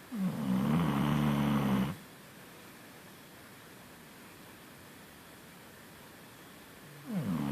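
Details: Snoring with a low, rattling snore on breathing in, then a long quiet breath out before the next snore.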